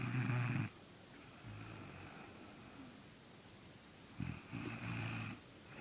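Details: Little brother asleep and snoring, not waking as someone tries to wake him: low rumbling snores at start and end with softer snuffly breathing between.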